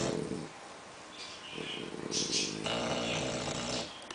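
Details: English bulldog and French bulldog snoring together, rough rattling snores overlapping irregularly with some whistling, room noise behind; snoring.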